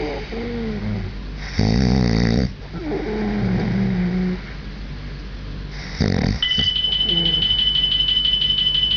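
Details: Loud, rattling snores separated by quieter breaths, with an electronic alarm tone starting near the end; snoring.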